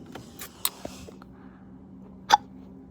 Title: Sorry I have the hiccups